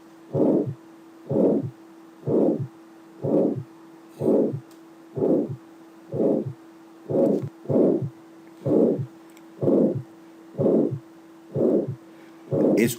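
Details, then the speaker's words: Aortic stenosis: regular heartbeat near 62/min with a harsh, rasping systolic ejection murmur between S1 and S2, diamond-shaped crescendo-decrescendo, radiating to the neck vessels. "La característica es que está en el en la sístola entre el primero y segundo ruido. Es un soplo de tipo romboidal increcendo decrecendo. Si nosotros ocultamos es rasposo."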